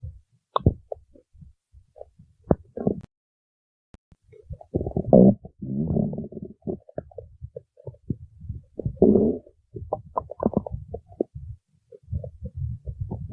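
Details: Irregular gurgling and low rumbling bursts from the belly with quiet gaps, suggested to be hunger; ordinary stomach growling (borborygmi).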